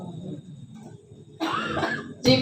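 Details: Low murmuring speech from a preacher giving a sermon breaks into a harsh cough, followed by a second sharp cough burst; cough.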